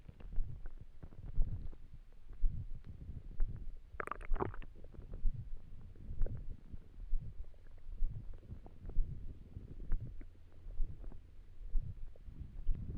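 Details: Stomach noises while trying to sleep on an empty stomach: low gurgling and rumbling with a brief louder gurgle; ordinary hunger borborygmi.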